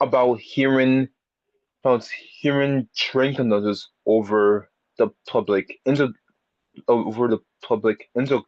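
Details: Speaker who has had speech therapy for a speech impediment, with many repetitions and revisions; stuttering.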